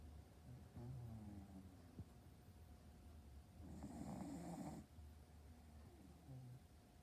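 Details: Snoring from a sleeping Boston terrier: soft, low rumbling breaths with one louder snorting inhalation in a quiet room; ordinary snoring.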